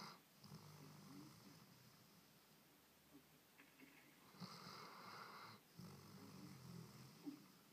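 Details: Snoring: soft, low rattling breaths repeating in the quiet, with a couple of louder noisy breaths.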